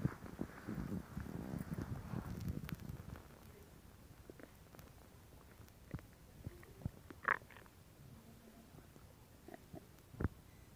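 Low gurgling rumble at first, then scattered soft pops and squelches. Ordinary stomach growling from gas and fluid moving through the gut.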